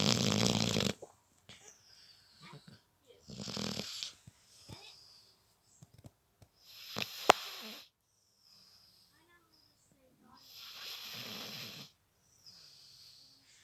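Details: Irregular noisy sleep breathing with rattling, snorting pulses and quiet gaps between, a second recording of the same snorer; snoring.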